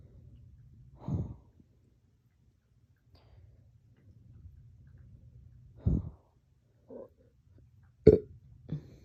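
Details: Painful hiccup-burps that hurt the chest, which began after a dog walk and drinking water too fast: several short, abrupt throaty bursts spaced seconds apart in a quiet room; hiccups combined with belching.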